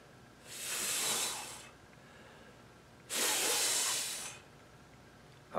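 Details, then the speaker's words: Demonstration of self-made CPAP-like back pressure: an adult exhales as hard as possible through pursed lips, giving two forceful, hissing exhalations with no musical wheeze, showing that airways kept open do not wheeze. "i'm going to exhale as hard as i can now i'm going to purse my lips and try to whistle again try to wheeze"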